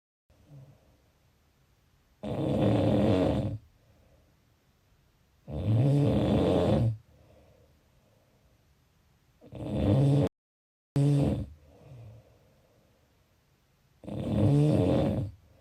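Loud, rough snores on each in-breath, about four in fifteen seconds, with quiet pauses between; ordinary heavy snoring.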